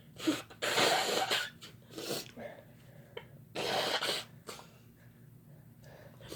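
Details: Sneezing from two people induced by Chhinkni sneezing powder: several explosive, hissing sneezes close together, with sniffs and breaths between them.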